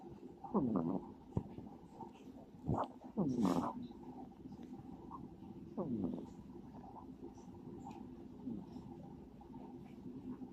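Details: A sleeping cat snores with soft, low rumbling snorts recurring irregularly every few seconds in a quiet room.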